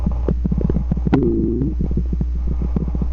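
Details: Stomach growling: a brief gurgling, rumbling growl over a steady low hum; ordinary bowel sounds, borborygmi.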